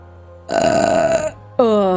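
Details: Vtuber's long, loud voiced belch lasting nearly a second, followed by a vocal sound, over background music; burping.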